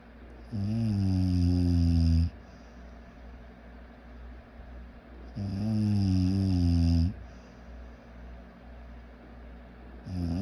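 Loud, rough, low-pitched snores on each in-breath, about 12 breaths a minute, with quiet out-breaths between.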